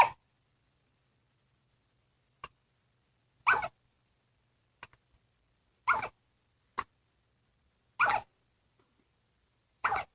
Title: Double hiccups!